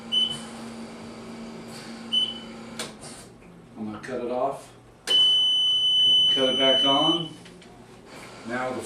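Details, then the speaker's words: Respironics EverFlo 5-liter oxygen concentrator alarm: steady high-pitched electronic tone amid room noise when the tubing is deliberately pinched, blocking oxygen flow, in a demonstration. "there's a pinch this machine will make a noise right now there's there's a failure in the machine"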